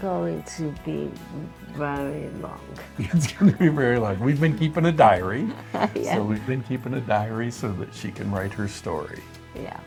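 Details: Adult man speaking; typical speech.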